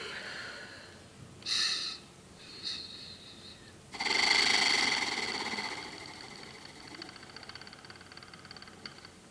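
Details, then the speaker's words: A cystic fibrosis patient doing airway-clearance physiotherapy: a big breath in, blowing out fully, a small breath in, a hold, then repeated blowing through an Acapella. Short breaths, then a long forced exhalation with a fluttering buzz: oscillating positive expiratory pressure. "on prend une grande inspiration on souffle jusqu'au bout jusqu'au bout on reprend une toute petite inspiration on bloque et on souffle on souffle on souffle on souffle on souffle et vous verrez les sécrétions elles reviennent"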